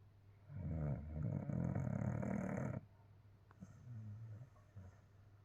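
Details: A sleeping puppy, tired after hard play, snoring: a loud, rough, low rattling snore on the in-breath, followed by a quieter, softer breath sound.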